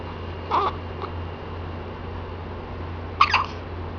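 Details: Hiccups alongside yawning: two brief, sudden, high catches of breath about three seconds apart over a steady low hum in a quiet room.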